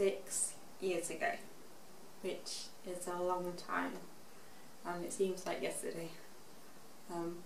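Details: Expressive aphasia after a stroke at age 18, in a young woman now 24, recorded six years after the stroke; shows her improvement in speech.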